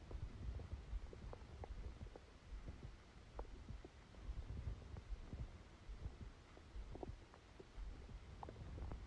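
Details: Low continuous gurgling and rumbling with scattered small pops and bubbling: active bowel sounds (stomach rumbling) during a stomachache after Christmas dinner, recorded while the person was sleeping.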